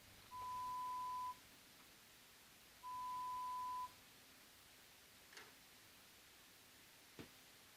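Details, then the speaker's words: Pure tone audiometry with foam insert earphones and a response button, finding thresholds across speech frequencies: two steady mid-pitched tones about a second long, separated by silence, then faint clicks. The audio is edited for ASMR. "The tests establish the patients threshold of hearing for each of a number of frequencies that are important for understanding speech."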